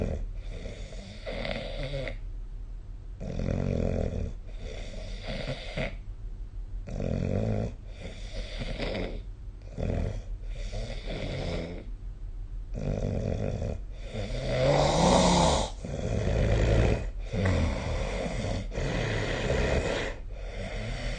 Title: 🐽 本日のイビキ / Snoring Sleep Sound